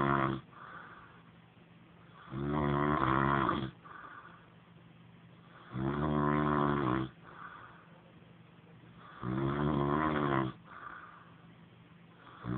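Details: Loud, rattling snores from a sleeping man on each in-breath, about three to four a minute, with quieter breathing between: ordinary snoring.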